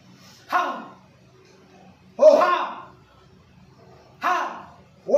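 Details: Male patient with puberphonia vocalizing while raising and lowering his arm and holding his abdomen as directed by a clinician; puberphonia voice therapy exercise.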